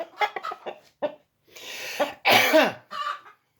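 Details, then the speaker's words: Person speaking at night gives a few short vocal sounds, a noisy breath in, then one loud explosive burst falling in pitch; a single sneeze. "J'ai éternué, c'est rien."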